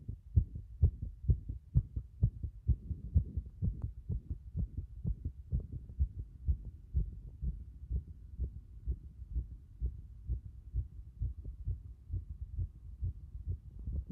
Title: 心尖部で録音した早い心臓の音